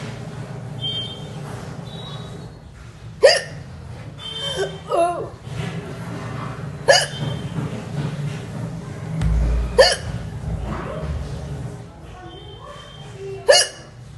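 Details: Adult Indian woman: four sharp, abrupt hiccups at irregular intervals over about fourteen seconds, roughly seventeen a minute, with faint room noise and voices; hiccups.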